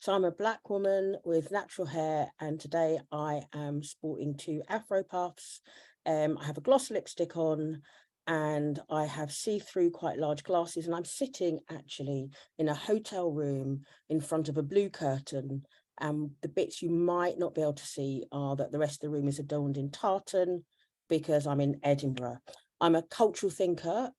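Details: Adult woman; normal speech.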